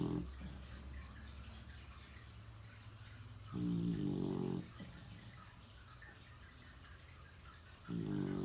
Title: Surprised to find out who was snoring so loud.. not who I though it was!!